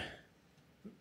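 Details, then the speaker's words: An adult speaker coughing once, a short, harsh burst, then quiet room sound with a faint second throat noise. "all right well since I'm coughing this one should be suitable"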